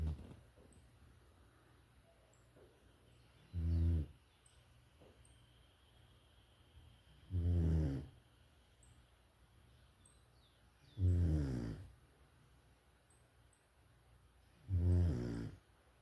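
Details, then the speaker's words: Sleeping dog: deep, thunder-like rattling snores about every 3.7 seconds, roughly 16 breaths a minute, quiet between; steady snoring. "Meu Deus do céu, parece um trovão."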